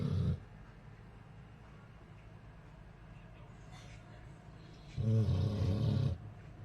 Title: Snoring Ambull dog like human...